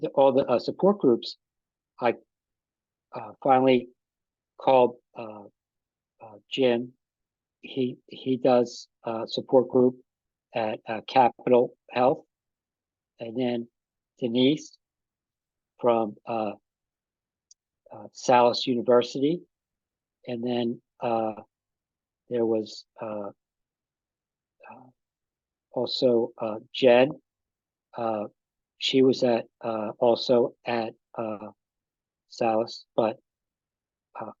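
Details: Post-stroke aphasia in an adult man, about five and a half years after an ischemic stroke that occurred together with a heart attack; ongoing difficulty with names and word tenses.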